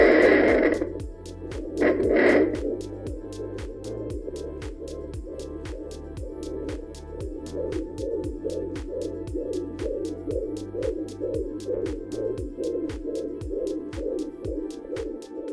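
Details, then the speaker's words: Portable home fetal Doppler on a pregnant belly in a demonstration: rhythmic swooshing like wind through leaves, placental or maternal blood flow rather than the baby's heartbeat, which sounds like galloping horses. "now that's the swooshing swooshing sound like winds on leaves that is not the baby's"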